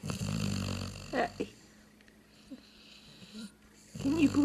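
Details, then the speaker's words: Labrador snoring in sleep: a loud, rough, rattling snore, a quiet pause, then the next snore starting, while someone tells her to quit snoring and wake up. "quit snoring i would like to get some rest around here at you up wake up are you sleepy you need to quit snoring"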